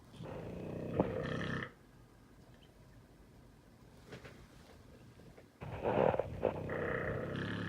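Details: Pitbull dog snoring loudly while sleeping soundly through fireworks: two long, loud rattling breaths about four seconds apart with quiet between them.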